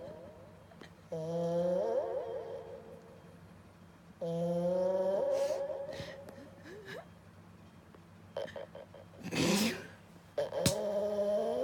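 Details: 10-year-old cat who snores loudly whenever he sleeps: loud, buzzy, somewhat tonal snores on each breath with a brief snort partway through: snoring.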